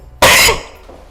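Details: A single sharp, explosive cough lasting about a third of a second, harsh and noisy, then quiet room noise; an isolated adult cough from a stand-up comedian, from a compilation.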